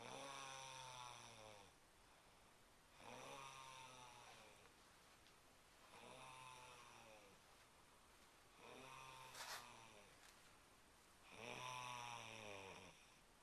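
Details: Woman caught snoring again while asleep: regular, loud, droning snores on each in-breath, about five breaths in 13 seconds (roughly 22 a minute); snoring.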